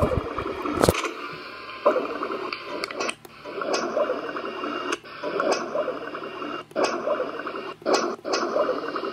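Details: Yellow Labrador dog with gas: continuous squishy, watery gurgling with brief pauses and clicks from the belly; borborygmi (stomach growling).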